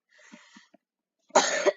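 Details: Single loud, harsh ordinary cough from a gamer recording commentary while feeling sick, with faint sounds before it; cough.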